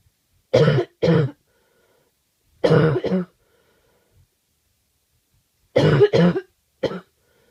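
Three bouts of harsh, deep coughs, two or three coughs each, seven coughs in all, separated by silence; a forceful, repeated cough.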